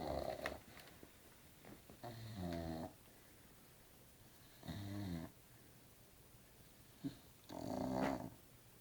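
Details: Sleeping Staffie (Staffordshire bull terrier) dog snoring: rhythmic, rattling snores on each breath in, about every two and a half seconds, in a quiet room.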